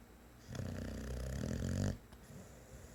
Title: Snoring boxer dog